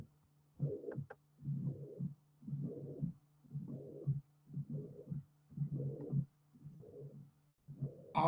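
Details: Combined mitral regurgitation and mitral stenosis murmurs: a regurgitant systolic murmur plus an opening snap, a silent gap, a diastolic rumble and a final presystolic accentuation ("kick"); regurgitation is later removed to leave stenosis alone.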